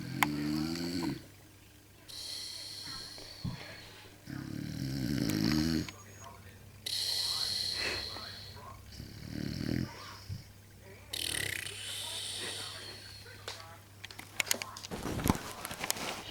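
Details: Loud, irregular snores with a rough, rattling quality, alternating with quieter breaths, against a steady background hum; snoring.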